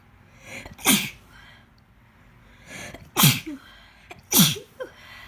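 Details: Three sharp, explosive sneezes, each preceded by a short indrawn breath, with some coughing, in a woman with pneumonia who is three and a half months pregnant; sneezing.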